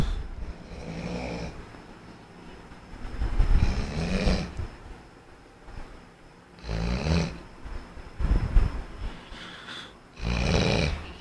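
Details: Snoring: low, rough rattling snores on each breath in, irregular, about five breaths over eleven seconds.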